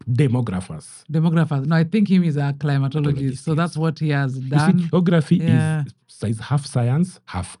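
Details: Adult speakers in conversation; typical speech.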